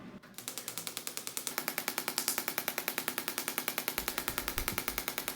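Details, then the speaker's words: Extracorporeal shockwave therapy applied up and down the front of the shoulder of a man with chronic rotator cuff tendinosis: rapid, regular sharp clicking pulses, about 200 per minute; shockwave device. "we're going to use the shock wave machine up and down the front part of the joint and the sound waves will disperse and penetrate deeply throughout the entire front part of the shoulder"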